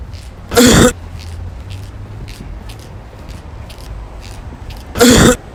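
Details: Cough experiment: two short, forceful coughs about four seconds apart, each a single harsh voiced burst, over faint background noise.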